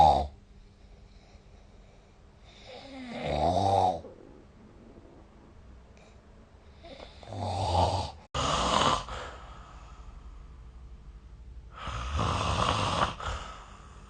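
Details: Snoring recorded with the SnoreLab phone app: irregular rattling snores with loud breath bursts between quiet pauses, roughly 16 a minute, in a quiet room during sleep.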